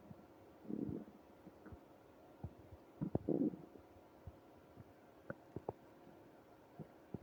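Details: Upset stomach after eating ice cream: quiet room with scattered gurgles and a few brief rumbling bursts from the belly: stomach growling (borborygmi).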